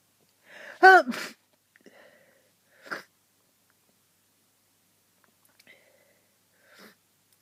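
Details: Adult sick with a cold, sneezing over a hundred times that day: one loud sneeze with a sharp voiced burst, then small breathy sniffs and catches amid repeated sneezes.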